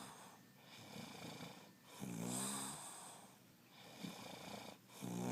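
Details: Person snoring while asleep: quiet, slow rattling breaths with a rough vibrating sound on some inhalations.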